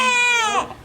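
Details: Newborn boy's first cry just after a natural unmedicated birth: a single loud, clear, high-pitched wail that rises then trails off; a normal newborn cry.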